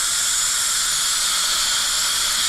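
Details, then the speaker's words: Steady high-pitched hiss and whine of a high-speed dental handpiece with water spray and 330 carbide bur notching through an old PFM crown on upper right molar (tooth #3) to remove it. "All right. Next, we're going to switch to our carbide, our 330 carbide. We're just going to create a little notch all the way through."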